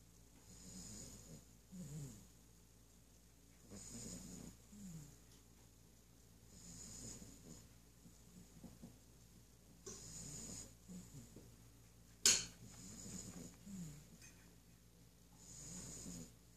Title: 8Wks Old Yellow Labrador snoring